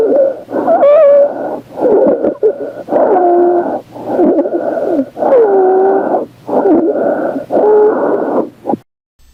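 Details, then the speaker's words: Loud, harsh, high-pitched crowing noises with each breath, recorded at the mouth of a child with upper airway obstruction: stridor. "som foi gravado junto à boca de uma criança que apresentava uma obstrução respiratória alta estridor pode aparecer tanto na ins quanto na S"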